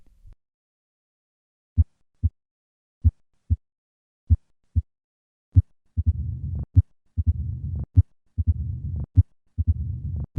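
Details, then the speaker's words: Advanced mitral stenosis: three normal beats, then increased S1, loud opening snap and low-pitched diastolic rumbling murmur. "a diastolic rumbling murmur is typical for mitral stenosis notice the increased s1 and loud opening snap that accompany this murmur"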